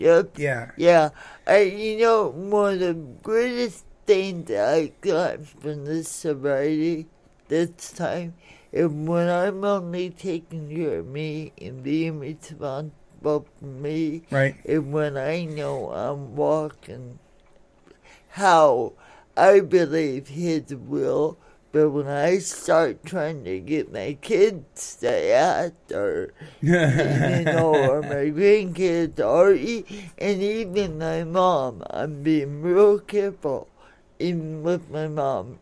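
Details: Adult woman born in 1959 with lifelong cerebral palsy from oxygen deprivation to the brain during delayed birth, affecting her speech and motor skills; some listeners have difficulty understanding her; dysarthria (cerebral palsy).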